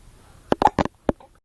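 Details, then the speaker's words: Baby with hiccups while laughing and being talked to: four short, abrupt voiced catches in under a second, the quick jerky sound of hiccups. "you got the hicups you got the hiccups huh"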